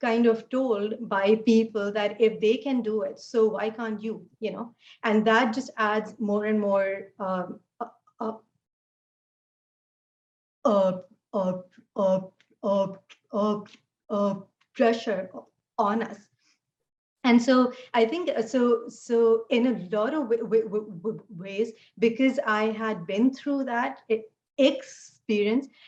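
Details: Adult woman who stutters; she says fasting and poor sleep take a toll on her speech; stuttering.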